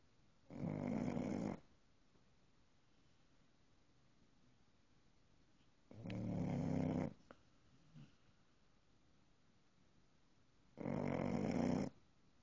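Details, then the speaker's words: Three loud, rough snores spaced several seconds apart, about 12 a minute, quiet between; snoring during sleep. "Brady, you're snoring. Brady, you're snoring."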